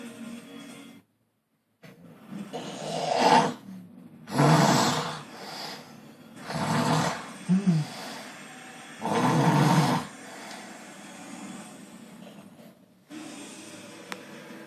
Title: Loud Snoring Fat Man